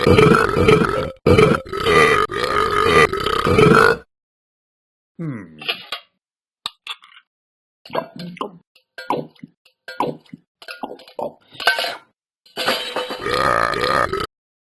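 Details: Male burping excessively: several loud, long, rumbling burps followed by short quieter throaty sounds; repeated belching.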